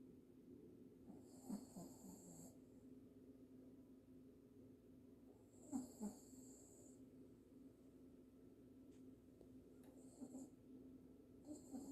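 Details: Sleeping dog snoring: quiet, irregular snoring breaths with soft snorts against a low steady room hum.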